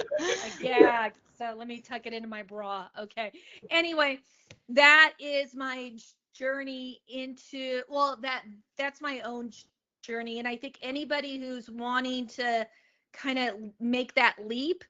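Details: Adult woman, a comedian, who began stuttering at age eight, speaking in an interview; stuttering.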